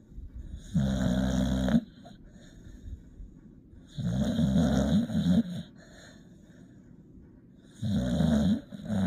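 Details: Sleeping, tired puppy snoring: three rhythmic, low, rattling snores about every three to four seconds, with quiet breathing between them; ordinary snoring.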